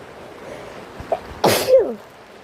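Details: A person who is sick sneezes while in a tent during rain, with rain sounds in the background: sneeze.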